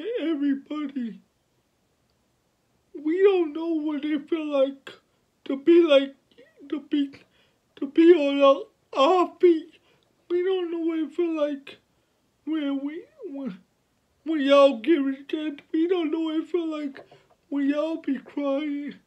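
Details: 29-year-old man with cerebral palsy since birth, born at five months' gestation, speaking about his life and disability; finding: dysarthric speech in cerebral palsy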